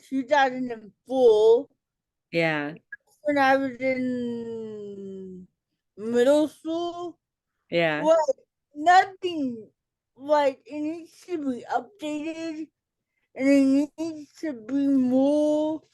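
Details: Adult woman with cerebral palsy, self-described as talking differently and possibly hard to understand; dysarthria (cerebral palsy).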